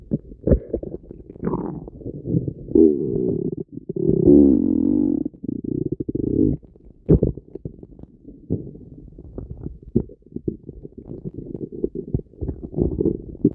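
Long, loud, low gurgling and rumbling with bubbly pops and a sustained groan; vigorous bowel sounds, a normal stomach rumble.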